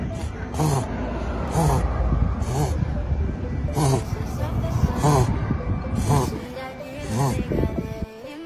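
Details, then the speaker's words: Dog with rapid, repeated snorting nasal inhalations: reverse sneezing, a common inspiratory effort caused by irritation of the nasopharynx. "A esto se le conoce como estornudo inverso. No te asustes, es muy común que llegue a pasar. El estornudo inverso es un esfuerzo inspiratorio que se da por una irritación en la nasofaringe."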